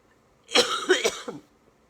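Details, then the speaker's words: Woman with cystic fibrosis during a flare-up, on IV antibiotics, exhausted and breathless with chest tightness overnight: a single harsh cough burst of two or three quick expulsions. "I felt so bad and couldn't breathe and I mean it legitimately was felt like like you're suffocating"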